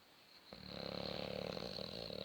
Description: snoring boxer half covered 😁